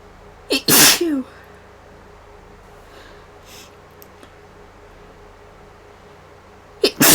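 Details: Sneezing from suspected allergy to funeral flowers kept in the house, Claritin wearing off, with heavy runny nose and headache: two loud, sharp sneezes several seconds apart in a quiet room.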